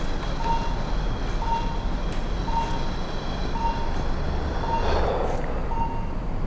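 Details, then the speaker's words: Doctor's own live demo of cyclic breathing with pulse oximeter and ECG monitor: pulse beeps speed up on the inhale, then slow during a 10-second mouth exhale, showing respiratory heart rate variation. "Listen closely to how the heart rate increases, then slows down with that inhale and that 10-second exhale."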